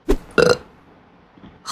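A short throaty burst followed by a louder voiced belch, the sound of a burp.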